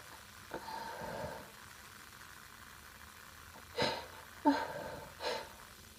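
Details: Woman's mostly stifled sneezes: three quick, soft, breathy bursts in a row after a faint indrawn breath.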